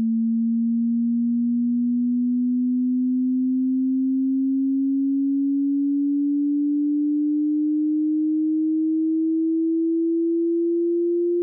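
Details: Online hearing frequency sweep from 20 Hz to 20,000 Hz for tinnitus pitch matching: a low rumbling pure tone rising steadily in frequency.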